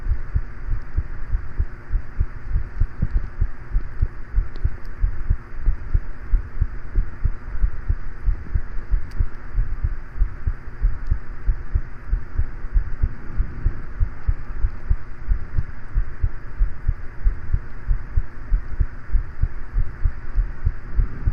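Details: Short recording of normal heart sounds: steady low heartbeat thumps at roughly 95 a minute, with a fan humming in the background.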